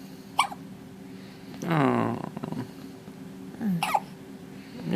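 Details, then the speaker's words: Baby girl with hiccups: two sharp, brief hiccup bursts a few seconds apart, a soft infant vocal sound between, faint room hum. "got the hiccups"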